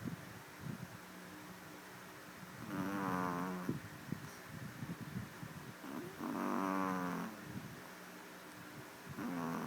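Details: Kiko, something tiny, snoring loudly: repeated buzzing, fluttering snores every three to four seconds over faint room noise.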